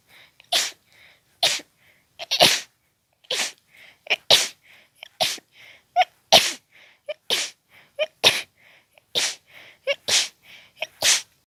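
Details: Intense, very fast sneezing fit with barely any breath between sneezes: a rapid run of about a dozen sharp, hissing sneezes roughly one per second, each preceded by a quick catch of breath.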